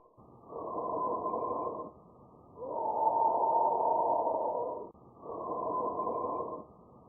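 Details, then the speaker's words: Loud, hollow, harsh breath sounds heard over the trachea and larynx, with a longer, louder expiration and a pause between phases: normal bronchial breath sounds. "The second normal breath sound we want to listen to is the bronchial sound, and this is heard over the trachea and the larynx and is more prominent upon expiration."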